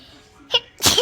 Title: im so excited to have my very own youtube channel 😊 ( i sneezed ) 😂